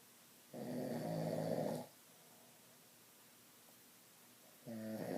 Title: Crazy snoring